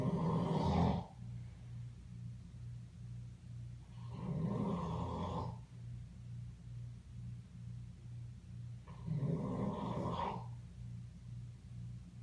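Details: Three rough, rumbling snores about 4 to 5 seconds apart, near 13 breaths a minute, with a steady low hum between, from an unidentified animal asleep; snoring.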